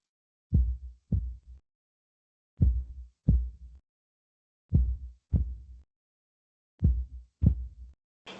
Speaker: Ahora, cuando está por debajo de los 60 latidos por minuto, la llamamos bradicardia y sería algo como esto.